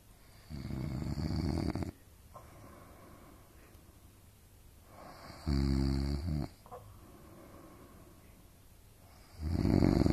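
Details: Parents (mum and dad) snoring while asleep in a shared hotel room.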